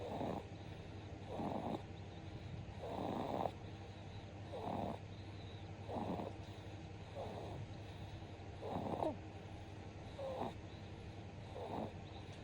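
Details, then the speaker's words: A 2-month-old baby snoring while held in mother's arms: soft, rhythmic snoring at about 43 breaths a minute, common and harmless in infants. "いびきいて寝てる赤さん健やかに育ってね。"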